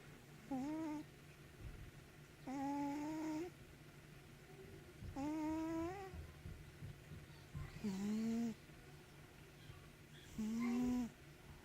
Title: Snoring kitty